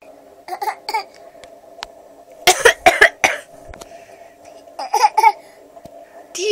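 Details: Young child giving several short, harsh coughs in clusters over a steady background hum: cough.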